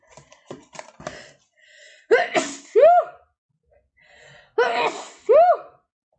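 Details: Two sharp, voiced sneezes, each after a quick indrawn breath, with soft clicks and rustling beforehand; sneezer says allergies appear every spring, allergen unknown.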